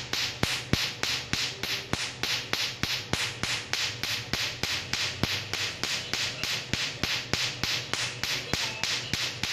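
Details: Sharp, evenly spaced snapping clicks, about 200 a minute, from a tattoo removal laser firing repeated pulses during a tattoo removal session.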